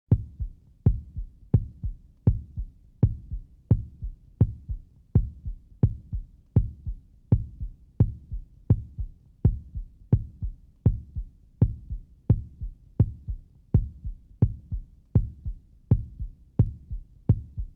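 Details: Normal heartbeat: a steady, regular, low thumping at about 84 beats a minute, a normal rhythm.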